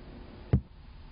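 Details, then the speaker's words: A single soft, low thump through a stethoscope on the brachial artery as the blood pressure cuff deflates: the last Korotkoff sound, marking diastolic pressure. "keep watching the monometer as the cuff deflates note the reading when you hear the last karatov sound it will sound like"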